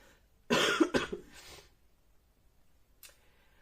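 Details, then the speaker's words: Adult with a wet, productive cough: two quick, harsh cough bursts with a rattling, loose tail, described as terrible. "Oh là là. J'ai une toux grasse dégueulasse. Enfin bon, bref, vous entendez. C'est assez terrible."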